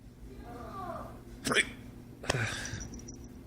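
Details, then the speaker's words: Adult man with hiccups, about to hold his breath to stop them: two sudden, sharp, gulping catches a little under a second apart in a quiet room. "Okay, I'm gonna hold my breath to try and get rid of these hiccups."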